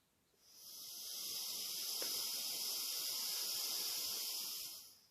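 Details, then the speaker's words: Steady airy hiss of a deep, even breath lasting about four seconds through a homemade Arduino-based smart incentive spirometer, which rates this flow as best; good-rate deep breath. "and now i'm bloated as deep as i can and make it the best best bloating speed"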